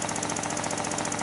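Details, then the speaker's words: Newborn patient on a 3100A high-frequency oscillatory ventilator running, lungs gently vibrating to maintain lung volume. "with the oscillator running the lungs gently vibrate and maintain their lung volume"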